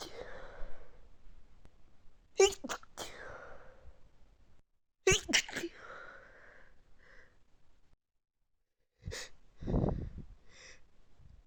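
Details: Stifled allergy sneezing fit: a run of sharp, partly held-back sneezes with a breath and a sniff between them.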